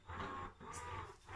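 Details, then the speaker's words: Ameda double electric breast pump used by a breastfeeding mother of children aged 6 and nearly 4, on full suction and full speed: a steady, rhythmic, fairly noisy mechanical hum in two pulses with short drops between suction cycles. "you can hear I've got the pump go in and again it's quite noisy and I always put on full suction and full speed"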